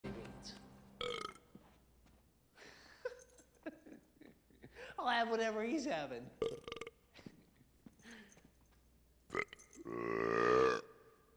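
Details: Man and a dog in a hiccup match: long, voiced, rising belches among short throaty sounds, music faintly in the background; burping.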